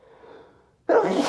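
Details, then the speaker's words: Man sneezing after strong chhinkni snuff that burns: a quiet stretch, then one sudden loud explosive sneeze provoked by the nasal irritant, helped out by talking. "Oh, it burns so bad. Wow. Talking actually helped that sneeze come out right there."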